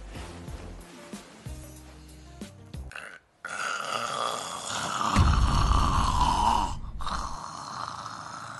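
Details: Acted imitation of snoring for comedy, not real sleep: a loud, drawn-out, rattling snore over background music. Simulated snoring.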